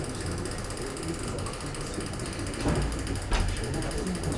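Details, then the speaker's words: Dental implant seated with a surgical driver through a surgical guide (Uniguide SLT) in a resin model during a live demonstration: steady mechanical grinding and ratcheting, louder from the resin than it would be in the mouth. "je le mets en place tout seul fait un peu de bruit parce que c'est la résine qui est du en bouche ça fait pas ce bruit"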